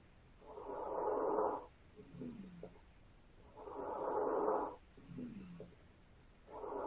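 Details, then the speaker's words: Simulated adult female standardized patient (digital simulation), posterior lung auscultation at about 19 breaths a minute, breath sounds present in all areas with musical wheezes in each breath cycle: adventitious sounds documented as wheezing. "She did have some adventitious sounds. I could say those sounded like wheezing to me."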